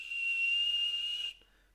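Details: Simulated tinnitus, the noise in one's ear: a steady high-pitched whistling tone with faint hiss, stopping abruptly.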